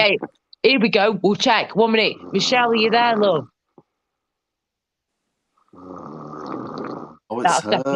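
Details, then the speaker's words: Background snoring, whether from a dog or a husband is unclear: a long, rough, rattling breath under overlaid speech. "anybody who can hear the lovely background that drop nosy Edge that he's just if he's not Michelle it's her dog yeah oh it's her husband"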